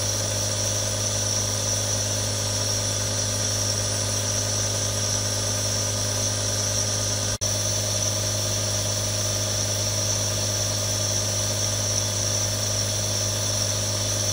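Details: Nebulizer running for relaxation ASMR, real recording: steady mechanical hum and hiss of a running nebulizer with one brief click; nebulizer running.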